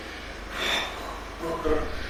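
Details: Abductor spasmodic dysphonia, with abductor spasms opening the vocal cords causing breathy voice; flaring of the alae nasi noted. Abductor spasmodic dysphonia.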